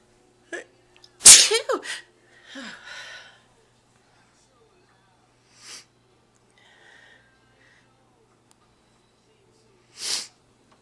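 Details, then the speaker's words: Person announcing "I'm gonna sneeze" before sneezing, then saying it hurt: brief gasping inhale, one loud explosive sneeze with short trailing sounds, then softer breaths in a quiet room. "I'm gonna sneeze. Oh, wow, that hurt. Oh, I gotta sneeze."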